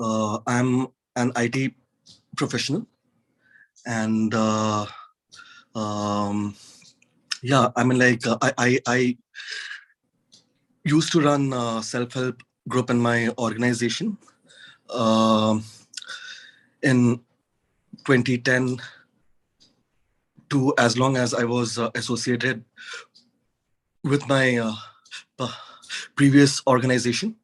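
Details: Adult man with stuttering, real, involved with a stammering association since 2010; he manages his stutter with techniques learned there, including bouncing, and the McGuire course.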